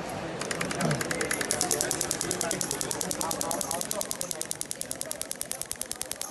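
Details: Radial shockwave therapy with PERI-ACTOR applicator for fascia release in an Olympic athlete with reduced right shoulder motion, lower frequency, energy 1.3, worked 90° to fibres: rapid regular clicking, about 200 per minute; shockwave pulses.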